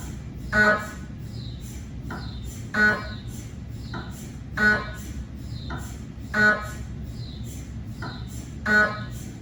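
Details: Loud repeating mechanical buzzes and tonal chirps over a low hum: gradient noise of a cardiac MRI scan on a GE 3T scanner, 8-channel cardiac coil with test phantoms, recorded in the MRI room.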